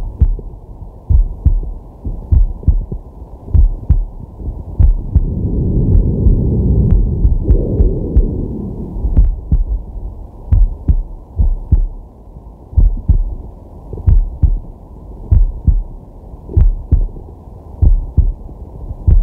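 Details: Male at rest, digital stethoscope on the chest: a steady low lub-dub heartbeat at about 48 beats a minute, with a slow breath swelling in the middle; normal heart sounds.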